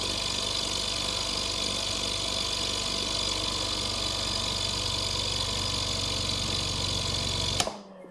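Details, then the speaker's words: A Philips Respironics EverFlow 5 L oxygen concentrator, modified for aquarium use, plugged in: its compressor switches on with a steady, fairly quiet hum and fast rhythmic pulsing, cutting off abruptly near the end. "Pues ya está enchufado la prueba de oro. Compresor se enciende."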